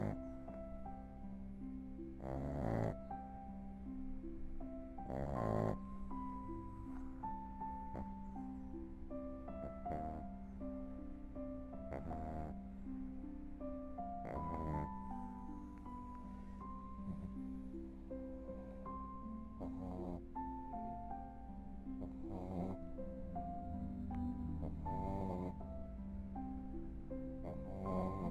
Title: My little dog taking a nap and snoring. Lili tirando um cochilo e roncando.